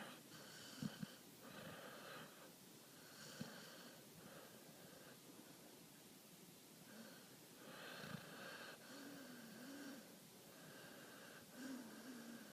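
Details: Dog in deep sleep with eyes rolling and twitching: repeated noisy breathing cycles with a rough, whistling snore on each breath and a few snorts; snoring.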